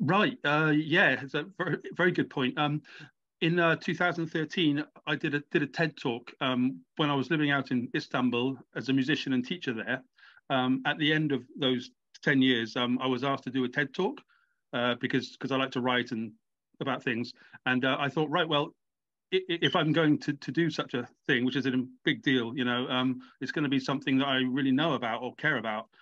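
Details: Adult man with a lifelong stammer that comes and goes, with blocks; stammering.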